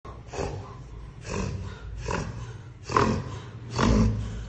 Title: Reverse Sneezing dog